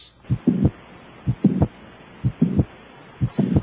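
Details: Normal first and second heart sounds heard by stethoscope at the apex of an adult during a cardiovascular examination. A steady lub-dub at about 60 a minute, first sound louder, over a faint background hum.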